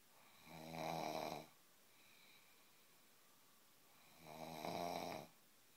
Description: some snoring